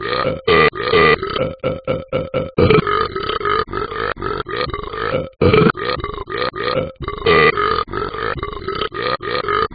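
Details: Animated character Talking Ben sound effect: a rapid series of loud, drawn-out belches, one after another; burping.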